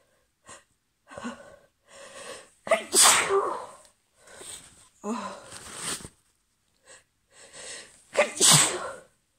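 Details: Female, allergy sneezes about 5 minutes after an earlier sneezing fit: a run of sneezes, soft intakes building to several forceful bursts; repeated allergic sneezing.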